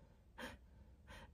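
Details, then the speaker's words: Two quick, strained gasping inhalations from an adult imitating the air hunger of a severe illness that led to hospitalization with very low blood oxygen; gasping for air (dyspnea). "just moving around, I was just gasping for air, because everything was so constricted."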